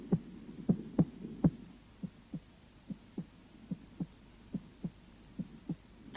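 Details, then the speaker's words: Normal heart sounds at the base of the heart: regular paired lub-dub beats about 70 a minute, clear first and second sounds, second louder, no added noise. "в начале систола желудочков первый тон второй первый тон второй в норме у основания сердца второй тон громче первого"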